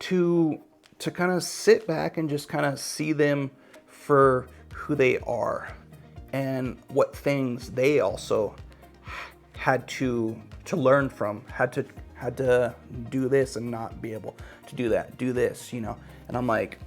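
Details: Adult male podcaster who stutters, with word and sound repetitions; stuttering.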